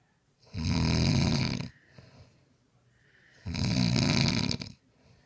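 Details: Father snoring: two loud, harsh, rattling inspiratory snores about three seconds apart, with quiet exhalations between.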